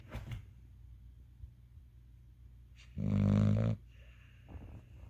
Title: snoring puppy